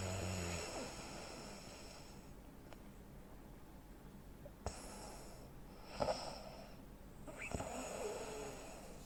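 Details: 43-year-old man, 85 kg, 165 cm, recorded snoring during sleep: rough snoring with a quiet pause, then abrupt snorts; obstructive sleep apnea pattern of snoring with breathing pauses.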